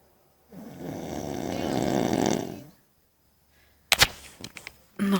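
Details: Man asleep in a camping tent, giving one loud, rough, rumbling breath that builds and then fades; snoring.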